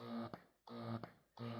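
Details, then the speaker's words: A Momcozy Air 1 wearable breast pump in stimulation mode: short, sharp, rapid motor hum cycles with a click at each release, about two per second. "This is your stimulation. And you can hear the difference with the expression."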